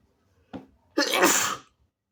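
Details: Person still sick: a brief catch of breath followed by one forceful, wet, hissing, snotty sneeze.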